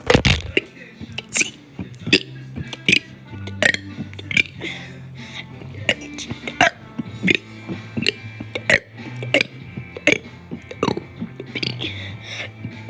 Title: Singing the alphabet while burping